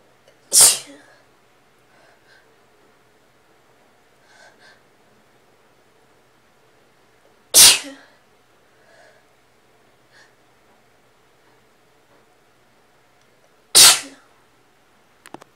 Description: Just a couple tickly sneezes